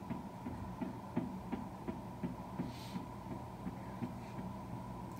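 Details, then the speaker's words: Fetal heartbeat on Doppler ultrasound at 8 weeks of pregnancy, first ultrasound: rapid, regular whooshing at about 150–160 beats per minute over machine hum, stated normal. "Yeah, it's about 150 to 160 beats per minute. Yeah, that's normal."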